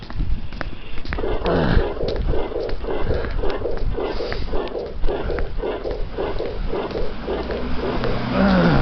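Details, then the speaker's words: Combined aortic stenosis and aortic regurgitation: two superimposed murmurs, rough whooshing in both systole and diastole, with one component slightly louder. Recorded at the upper sternal border, where the aortic stenosis murmur predominates, or possibly at the apex. "This is an example of two murmurs superimposed on one another. Listen again at the upper sternal border. So what pathology is causing this? This is combined aortic stenosis and aortic regurgitation."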